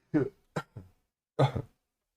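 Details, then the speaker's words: Abrupt adult sneeze in a small room during a coding session: a short series of sharp, forceful bursts of breath and voice, announced beforehand; the sneezes come on hard and fast. "dang it i breath i press the wrong button to mute myself for sneezing hear that i should have gone like this [Laughter] sorry about that those sneezes come on hard and fast"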